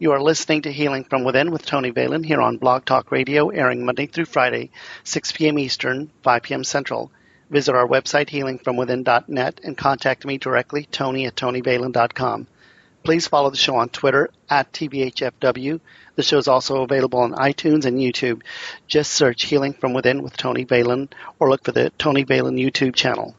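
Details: Adult man speaking; typical voice.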